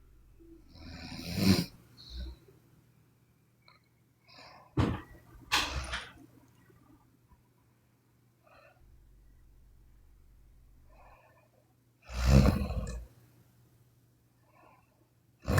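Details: Sleeping Chinese woman snoring: intermittent loud snorting snores with quiet breathing gaps and low room hum.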